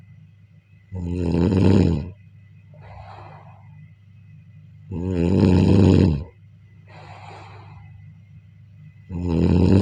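Loud, rattling snores on each inhale, about 15 breaths a minute, with softer airy exhales and a steady background hum: heavy snoring.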